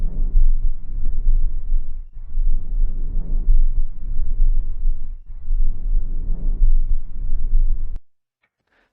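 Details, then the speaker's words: Soft, low rushing breath sounds in regular cycles, about 20 a minute, air passing freely through the lungs on auscultation: normal vesicular breath sounds (vesicular murmur). "Isso é o que a gente chama de murmúrio vesicular Isso é o que a gente espera tá ouvindo auscultando uma respiração normal certo"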